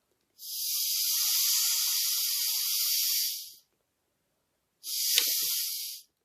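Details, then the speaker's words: Homemade Arduino smart incentive spirometer with mouthpiece, person deliberately blowing too hard and the device flags the speed as too high; long, loud airy rush of breath, then a shorter burst of excessive flow. "i'm showing to going to show the the hardest bit that's mean i blow it too hard and it will also tell you it's too hard so you need to slow down your breathe"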